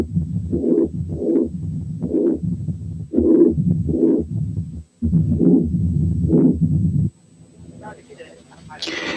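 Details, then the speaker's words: Double mitral lesion with atrial fibrillation: loud first sound, pansystolic murmur and opening snap, with totally irregular rhythm and murmur filling the irregularly spaced gaps. "الحالة اللي جاية برضو دبل ماترال ليجن، إنما فيها كمان atrial fibrillation وفيها loud first sound و pansystolic murmur و opening snap، إنما الريزم is totally irregular."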